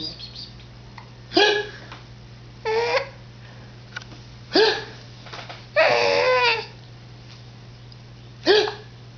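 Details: Hiccuping while laughing, recorded on a digital camera in poor quality; brief squeaky hiccups every one to three seconds, one drawn into a longer squeal.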